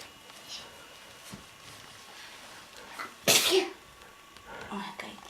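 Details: Girl sneezing: one sharp, explosive sneeze in a quiet room, faint voices before and after.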